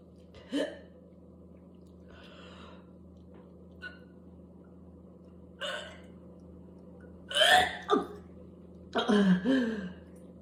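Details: Whooping cough (pertussis) coughing spell in an adult, with spasms until gagging, spitting and vomiting: scattered harsh cough and gasp-like bursts separated by quiet pauses.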